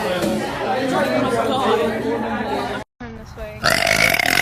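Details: Girl's voluntary burping: long, loud, rumbling belches, a brief pause, then a further burst.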